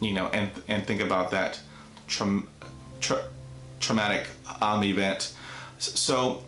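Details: Adult man with neurogenic stuttering, onset at age five after a traumatic dog attack; severe enough for speech therapy from grade one through high school, college and the Air Force; audible repetitions; stuttering.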